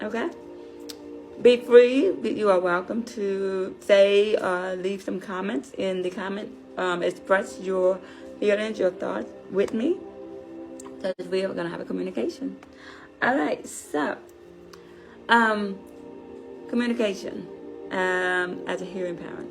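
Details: Deaf adult woman, deafness found at age five, who learned to speak through speech therapy and grew up without sign language; deaf speech.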